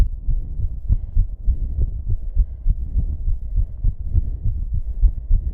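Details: Racing heartbeat turning irregular with heavy breathing, fast uneven low thumps over background buzzing from recording in a bathroom.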